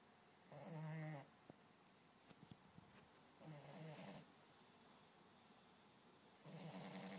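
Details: 8-week-old female American Staffordshire Terrier (Amstaff) puppy asleep, snoring softly with buzzing snores roughly every three seconds and faint rustling between.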